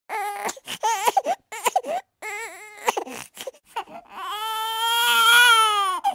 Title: Just Born Baby Crying